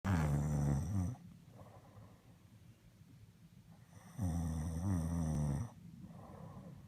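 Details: Person asleep, snoring: loud, low rattling snores on the in-breath, separated by quieter out-breaths.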